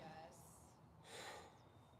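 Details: A barrel racing mare snorts during a chiropractic full-body adjustment, showing an attitude reaction: two breathy bursts of air blown through the nostrils over faint background noise.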